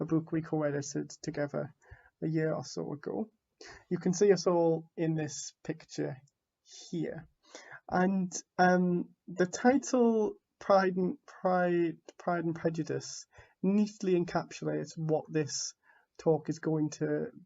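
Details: Adult man who identifies as a person who stammers; stuttering.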